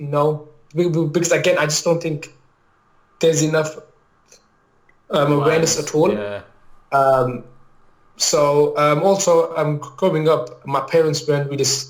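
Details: Adult male maths teacher, real, with a lifelong stammer, mainly blocking type on certain words or sounds, worse when nervous; finding: stammering (stuttering).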